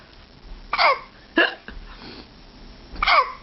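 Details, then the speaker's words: Hiccups in a small son: three sharp, loud hiccup bursts about half a second to a second and a half apart, with quiet room sound between them. "yep because they're so loud your hiccups are so loud yes they are"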